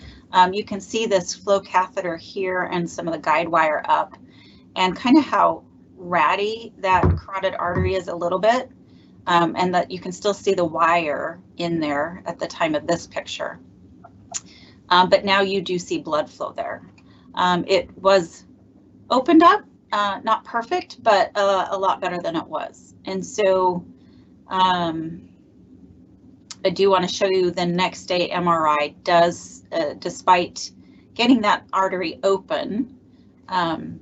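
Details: Adult woman speaking; normal speech.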